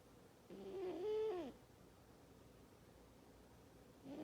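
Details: Sleeping cat snoring: one brief, whistling, slightly rattly breath sound, then quiet, with the start of another at the end; the snoring is described as very loud.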